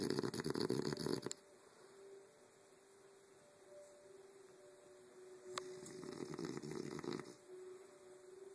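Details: Adult man napping in bed while studying, snoring loud enough to be heard from the living room over the TV: two loud, rough, rattling snores with quiet breathing between them; snoring during sleep.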